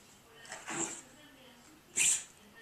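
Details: Pet dog sneezing: two sharp, hissing nasal bursts about a second apart.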